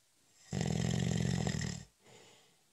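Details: Snoring during a short, light nap: one loud, rattling, vibrating snore on the in-breath followed by a soft exhalation; snoring.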